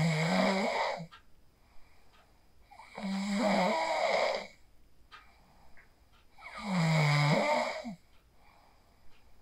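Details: Sleep snoring recorded on a mobile phone after practicing the 4-7-8 breathing technique: loud, rattling snores on each in-breath, about three cycles in nine seconds, with quiet gaps between.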